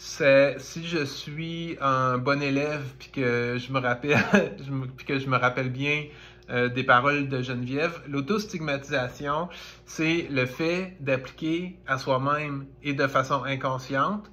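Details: French-speaking woman who stutters, saying stuttering sometimes makes speaking take longer; stuttering.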